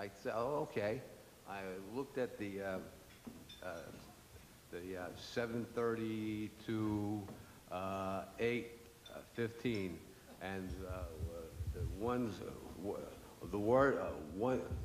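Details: Aphasia in an adult man after a stroke 10 years earlier; he says the aphasia made him lose his voice.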